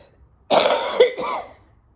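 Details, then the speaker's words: Two harsh, rough cough bursts in quick succession during a chest infection, on day 5 of antibiotics with the fever gone, still coughing up green sputum and blowing the nose; described as less croupy than before. "I was really croupy sounding and coughing up all kinds of green sludge and it's nasty. Still coughing up green sludge and blowing my nose continually and coughing my head off, but the fever's gone,"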